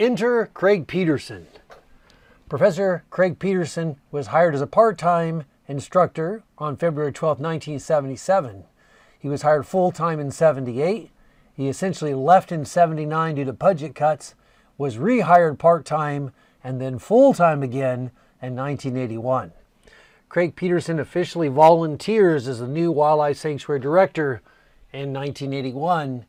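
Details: Adult male speaker; ordinary speech.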